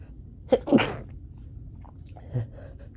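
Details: Sneezing during a summer cold, unable to stop, the worst episode: a sharp inhaled catch, then one forceful sneeze burst, followed by quiet sniffing and a softer snort.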